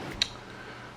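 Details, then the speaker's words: Single small sharp click as the insulin reservoir needle seats into the rubber gasket while refilling a Medtronic 530G insulin pump reservoir for a young boy with type 1 diabetes, diagnosed at age 4. "we're gonna line it up carefully push it down and it usually pops and makes a little clicking you're popping sound once it's in there okay"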